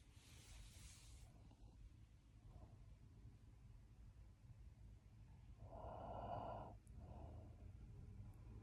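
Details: Person snoring in sleep: quiet noisy breathing with a louder snorting inhalation against background hiss.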